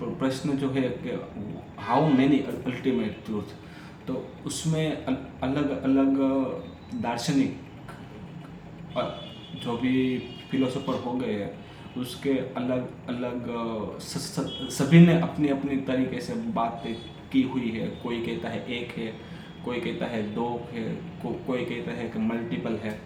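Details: Adult man who stammers, on Day 6 of a daily stammering practice routine (breathing, vowel, tongue and lip exercises, tongue twisters, story telling), telling a story in Hindi; stammering.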